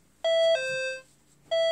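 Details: Atom S-1235 syringe pump during setup demonstration with a 50 mL syringe: clear electronic beeps, a tone stepping slightly lower then repeating; a normal device alert.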